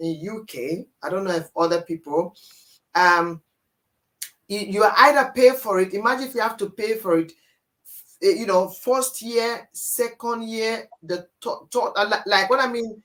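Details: Dysarthria in an adult man born with cerebral palsy affecting movement and speech, attributed to a high bilirubin level at birth.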